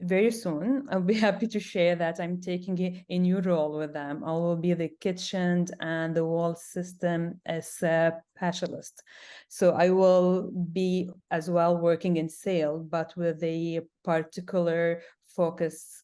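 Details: Adult woman who stutters; stuttering with sound repetitions, and she reports big blocks.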